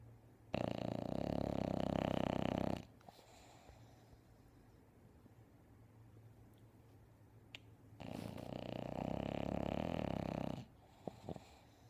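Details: Bulldog sleeping on owner: two long, loud, rattling snores on the in-breath with quiet breathing between, typical heavy snoring of a flat-faced dog.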